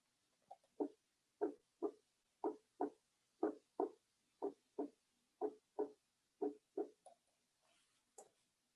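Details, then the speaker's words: Normal healthy heart sounds: clear, clean paired beats at about 60 per minute with no murmur. "agora vamos ouvir os batimentos de um coração sadio no qual a importante notarmos que o som é claro e Limpo"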